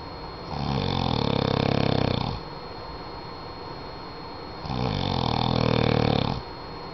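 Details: Two long, rough, rattling snores, each nearly two seconds and about four seconds apart, over a steady room hum; snoring.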